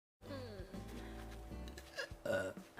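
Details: Long, low, rumbling belch over background music, followed by short vocal sounds; burping recorded 09/04/2020.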